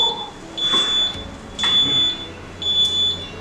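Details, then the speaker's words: Zoll EMV+ transport mechanical ventilator alarm, with red, yellow or green alarm lights where red must not be ignored: repeating high-pitched electronic tones about once a second over quiet room noise. "tenemos un sistema de alarma con luces en este caso rojo puede ser amarillo puede ser verde"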